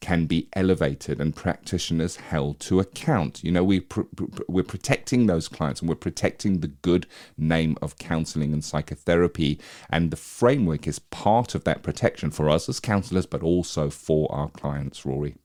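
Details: Adult male speaker; normal speech.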